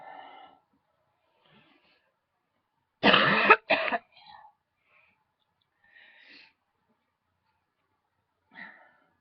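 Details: Two forceful coughs close together, then quiet throat sounds and breaths, from a big throat tickle that kept the person coughing for a while.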